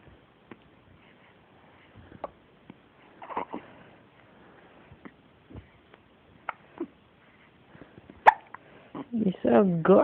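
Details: Baby girl: short, sharp hiccups recurring irregularly over several seconds, ending in a fussy cry; infant hiccups.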